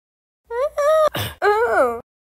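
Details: Rising voiced 'ah' gasps build up, then a sharp noisy burst and a trailing vocal release: catching, gasping breaths before a sneeze, in an animated sneeze clip.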